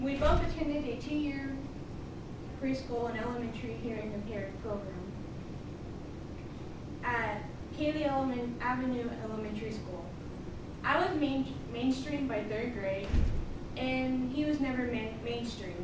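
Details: Woman severely hard of hearing from birth, cause unknown, hearing loss identified at age three, mainstreamed in school, never learned sign language; deaf speech.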